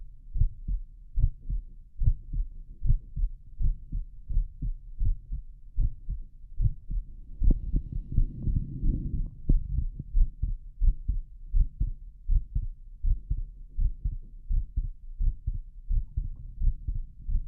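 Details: Heart auscultation in left lateral decubitus position: steady low lub-dub heartbeats through a stethoscope, roughly 85 a minute, with brief rubbing noise midway; normal heart sounds.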